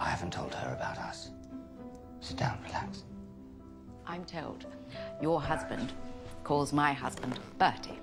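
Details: Adult actors in a film scene; normal fluent speech.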